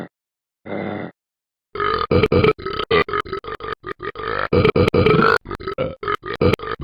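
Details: Person burping: a short belch, then rapid, choppy repeated belch sounds that appear cut together in an edit.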